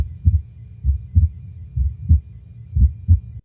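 Steady, low lub-dub heartbeat around 62 a minute, with two clean sounds per beat and nothing extra.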